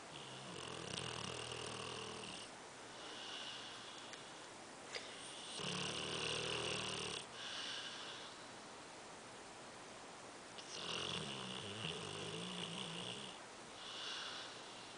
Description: Dog Snoring